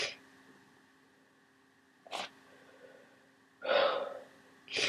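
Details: Loud, forceful sneezes separated by quiet pauses over a steady background hum, during a cold.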